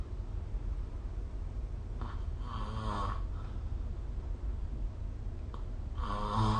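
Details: Two rough, buzzing inhalation snores over a steady low room hum; ordinary sleep snoring recorded with the SnoreLab app.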